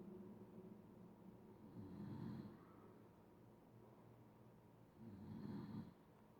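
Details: Sleeper snoring: two loud, rough, rattling inhaled snores about three seconds apart, with quiet breathing between them.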